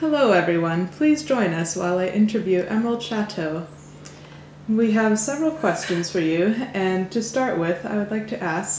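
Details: Adult speaker; normal voice.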